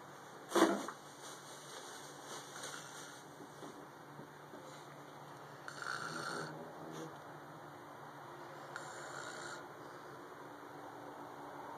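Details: Soft, rough breathing noises recur several times in a quiet room, consistent with snoring during sleep.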